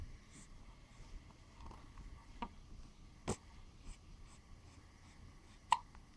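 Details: Baby hiccuping while sitting in a bouncer: several short, sharp hiccups at irregular intervals in a quiet room.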